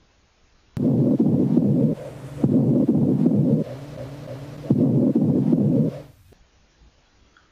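Muffled, indistinct whispered phrase heard three times through the stethoscope over the chest; normal whispered voice transmission, no whispered pectoriloquy.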